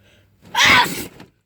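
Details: A single ordinary sneeze: a brief in-breath followed by one loud, sharp, hissy burst.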